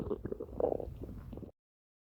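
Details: Woman's belly: a brief low gurgling rumble of about a second and a half, stomach growling (borborygmi).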